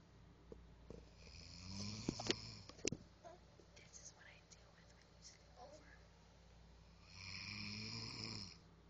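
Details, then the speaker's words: Soft, rough snoring breaths in a quiet room, with faint rustling and a clearer snore near the end. Snoring. "This is you snoring."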